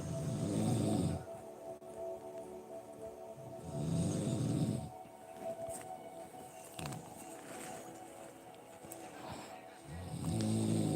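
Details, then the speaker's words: An adult man (the husband) snoring loudly during sleep. "I'm gonna let him listen to this tomorrow like do you know you was just snoring as all loud as outdoors"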